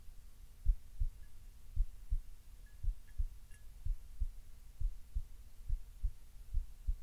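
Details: Relaxed but still slightly fast heartbeat: steady paired low lub-dub thumps, about 60 a minute, over a faint background hum.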